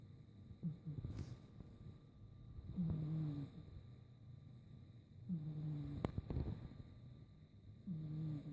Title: How loud does my cat snore!